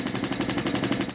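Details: High-frequency oscillatory ventilator being set up, mean airway pressure 23 with max limit 26 and low limit about 20: steady rapid fluttering hum of very fast regular oscillations; ventilator running.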